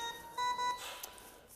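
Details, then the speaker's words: Steady electronic alarm tones over quiet room noise: high pressure alarm on a Newport HT70 ventilator in adult volume-control SIMV setup, triggered by a tidal volume set too high; severe alarm with red top flash. "So, you see that the top flash is red. That means that's a severe alarm that we need to take care of."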